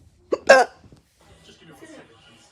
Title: I’ve been told I hiccup weird